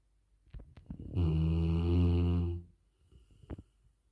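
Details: Dog sleeping at home: a single long, loud, low rumbling snore on an inward breath, with quiet breathing and small snuffles before and after; snoring.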